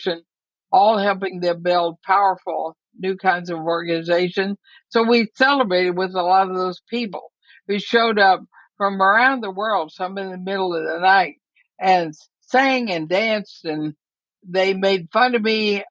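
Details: Mild dysarthria in a woman near 80 with amyotrophic lateral sclerosis (ALS, Lou Gehrig's disease); she says she is already having quite a bit of trouble speaking but believes she is still intelligible.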